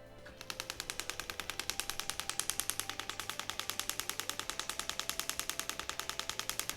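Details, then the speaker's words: Steady, very regular sharp clicking pulses, about ten a second, from a radial shockwave therapy handpiece worked over the calf musculature toward the Achilles with ultrasound gel, treating a female dancer's plantar fasciitis of over 10 years. "shockwave treatments are generally not painful there's some you feel some pressure from the sound waves"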